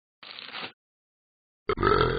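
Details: Simulated burping from the Talking Ben the Dog animated app: two low, rough belches, a noisy one then a louder throaty one.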